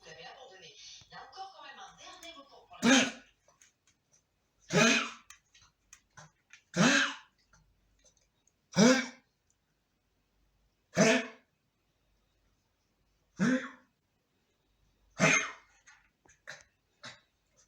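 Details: 13-year-old blind and deaf Shih Tzu with a bad cough, taken to a vet, X-rayed and treated, gives about seven short, harsh coughs, roughly one every two seconds; dog cough.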